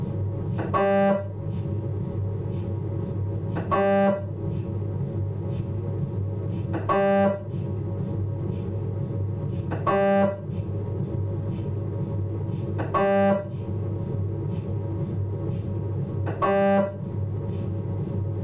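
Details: Philips 1.5 T MRI abdominal scan: loud steady hum with a buzzing tonal burst about every three seconds, about 20 a minute, normal MRI scanner noise during a fat-suppressed T2 sequence.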